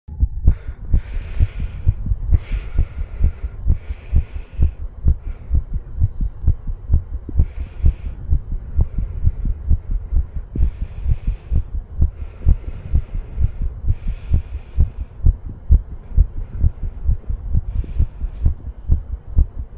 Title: Visible HeartBeat With My HeartBeat Sound.